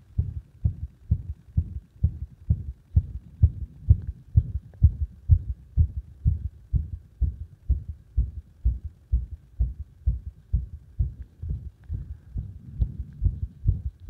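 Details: Heart sounds with arrhythmia induced by compression. Rapid heartbeat of around 128 per minute with uneven spacing and loudness. Arrhythmia.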